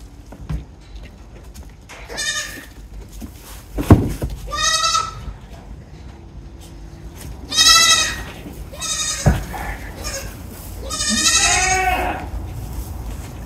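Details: Several loud, strained bleats from a doe goat pushing in difficult labor (dystocia) as a breech kid is pulled out by its back feet; long labor, poorly positioned kids, a very large kid, and a stillborn.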